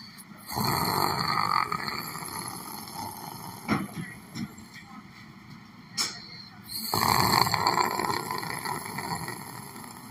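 Two long rough snoring breaths with faint clicks and room noise between them; ordinary snoring.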